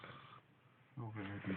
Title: snoring beauty